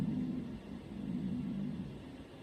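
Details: Stomach growl: a low, continuous rumbling gurgle lasting a couple of seconds; normal stomach growling (borborygmi).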